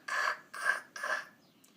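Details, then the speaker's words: Vocal imitation, not a real recording: three harsh scratchy voiced bursts mimicking the sandpaper-like scraping of a pericardial friction rub, the sound heard in pericarditis (inflammation of the pericardium). "the pericardial friction rub or just friction rub is the sound you hear and it sounds like sandpaper it sounds like"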